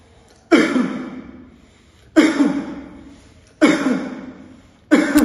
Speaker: this type of cuff is commonly seen in patient suffering from fitis and laringitis here are the key features deep breath before cough the patient takes a deep breath before coughing single Boom the cough is typically a single loud booming sound